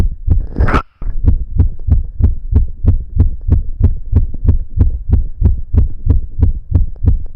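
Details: A boy's own recording of his heart beating very fast, felt strongly in the chest and visibly moving; rapid heartbeat.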